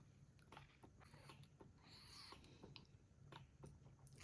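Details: Soft rhythmic mechanical clicks and suction pulses from an Elvie wearable electric breast pump drawing milk in a live pumping session, with faint room noise; milk flows steadily after coconut oil and realignment, about 20 ml collected.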